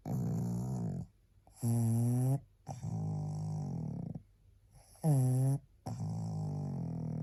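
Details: Loud, rhythmic snoring with fluttery inhalations and rough exhalations, about ten breaths a minute, from a tired, sleeping female pug.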